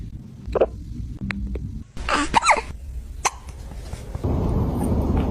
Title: Kitten Hiccups Pure Enjoyment Edition